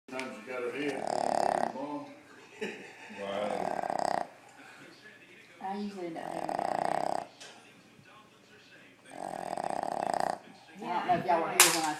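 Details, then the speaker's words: Dog asleep in the owner's bed snoring loudly enough to keep the owner awake: rattling snores on each breath in, quieter snorting breaths out, about five cycles in twelve seconds. "It's because she woke me up and I couldn't go to sleep. Yeah, I couldn't sleep. If she's at the foot of the bed, I can sleep. It don't bother me that bad. But let her get between the two of us, she is right in my ear."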